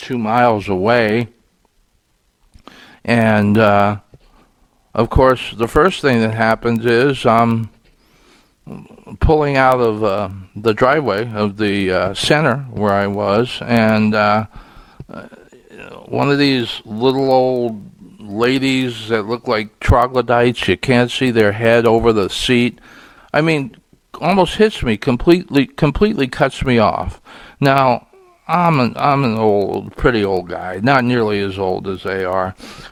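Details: Adult male podcast host who says his stuttering here is worse because he was frustrated that day; stuttering.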